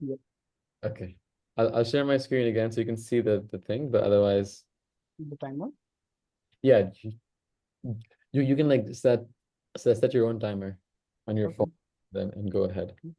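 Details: Man who stammers, in natural speech rather than voluntary stammering, with audible word repetitions; stuttering.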